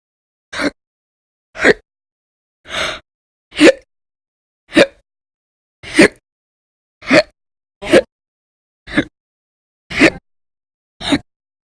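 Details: Audio-only recording from a month-long log of violent, loud, persistent hiccups: eleven sharp, abrupt hiccups, roughly one a second, separated by silence.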